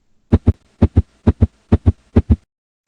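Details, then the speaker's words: Clean, regular paired lub-dub heart sounds repeating quickly, illustrating tachycardia, a heart rate above 100 beats per minute (normal 60 to 100). "Y por encima de los 100 latidos por minuto, lo denominamos taquicardia y sería algo como esto."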